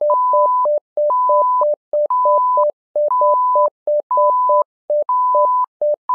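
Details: Simulated patient monitor (SimMon) alarm: a repeating pattern of two-pitch electronic beeps forming an alarm tone sequence.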